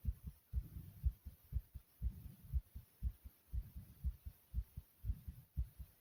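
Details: Person's own heartbeat pounding hard: strong, regular low thumps, fast at about 120 beats a minute.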